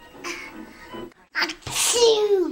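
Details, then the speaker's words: Young child's voiced 'achoo' with a rising intake, a deliberate pretend sneeze rather than a real one, repeated; fake sneezing. "Why are you fake sneezing?"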